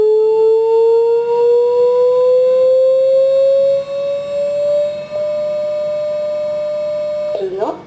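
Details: Reanibex 300 AED (automated external defibrillator) after announcing "shock advised": a steady tone rising in pitch as it charges, then holding at a fixed pitch once ready to shock; a demonstration.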